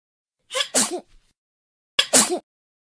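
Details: Two sharp adult sneezes from a sound-effect pack, each a quick in-breath followed by a loud, hissing 'achoo' burst.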